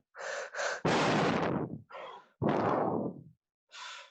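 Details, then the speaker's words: Teacher in a Spanish-language lesson imitates breaths of uneven length, depth and spacing with no steady rhythm; simulated arrhythmic (irregular) breathing, which may signal a lung or brain disturbance. "Sí, cuando hablamos de arritmia, es A, el prefijo A viene sin ritmia, sin ritmo. Arritmia sin ritmo. Puede ser una respiración tipo..."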